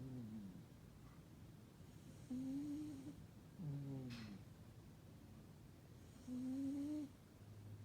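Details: Burmese cat snoring while asleep: soft, low, humming snores with each breath, about three over eight seconds in a quiet room; a Russian Blue cat is nearby.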